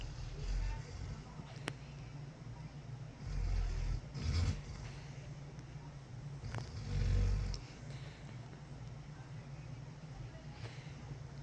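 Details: Rescue dog sleeping; deep, low rumbling snores recur every few seconds with a steady background hum, described as loud: dog snoring.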